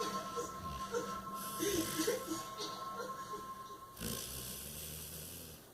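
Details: Sleeping bulldog lounging on a chaise longue: noisy, rasping snore breaths over background television or music.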